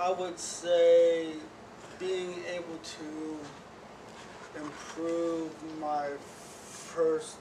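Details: Man who stutters, recorded before joining a stuttering therapy programme. Stuttering.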